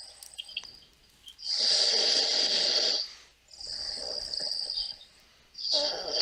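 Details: Airy, hissing snores with a whistling edge, three breaths about two seconds apart; ordinary snoring.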